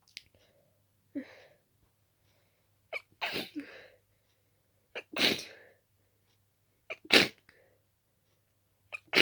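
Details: Rapid series of wet, congested sneezes with quick inward catches and barely a breath between, some stifled; intensely itchy nose in a person very allergic to dust.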